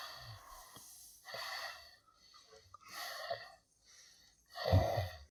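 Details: Repeated noisy, snorting breath sounds with a rough rattle: snoring.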